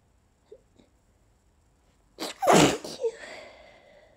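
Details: Person with allergies deliberately stifling sneezes: a couple of small catching breaths, then one forceful, partly held-back sneeze with a breathy release.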